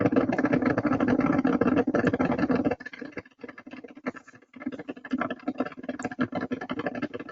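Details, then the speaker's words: Needle EMG in fast-progressing motor neuron disease: crackly, high-pitched, irregular firing of an unstable motor unit potential failing reinnervation. It resembles a nascent motor unit and sounds almost myopathic, but is unstable. "this is going to sound a bit like a nascent motor unit but it's not a nascent motor unit it's one that's failing"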